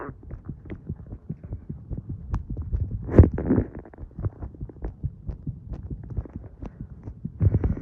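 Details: A person's own heartbeat recorded while smoking: steady low heart thumps up close, with a couple of brief rustling or breathing noises.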